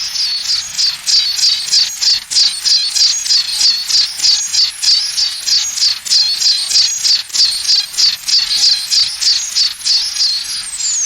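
A steady high-pitched pulsing hiss and chirp, like insects buzzing, repeating about 94 times a minute: a simulated tinnitus sound.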